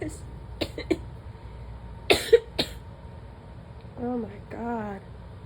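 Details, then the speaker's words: Adult sneezing repeatedly, saying something is stuck and making them cough; the cough wants to turn wet: several short, sharp coughs in quick succession, then a brief voiced groan. "It's stuck. It's just making me cough."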